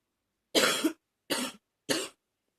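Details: Woke in the morning with a barking cough with wheezing, attributed to allergies: three harsh, hoarse barking coughs in quick series.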